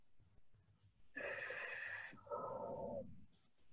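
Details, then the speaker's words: RespiraWorks ventilator on a test lung in pressure assist mode, delivering a baseline apnea (mandatory) breath: rushing hiss of inflowing air followed by lower outflow as it empties; mechanical ventilator breath. "yeah so what we're gonna do is we're gonna go ahead and start recording some data from the vent and we're gonna let it just do a couple of apnea breaths first so that we can see what the baseline looks like"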